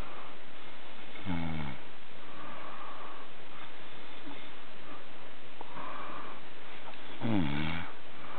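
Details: A man snoring: two loud, low, rattling snores about six seconds apart, roughly ten a minute, over faint room hiss.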